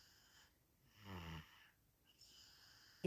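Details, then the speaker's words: Sleeping toddler boy with heavy nasal blockage and cough, given children's Vicks and medicine, snoring: a single low, rattling snore on the in-breath between quiet pauses. "नहीं, it's all because उसका nose blockage है बहुत ज़्यादा।"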